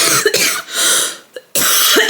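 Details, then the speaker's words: A woman in her last week of pregnancy, before a planned C-section, with repeated vomiting and acid reflux, gives three short, harsh coughs with brief throat-clearing between them in a quiet room; cough. "I am however bothered about this cough. And as you can probably hear, I can't even talk without coughing."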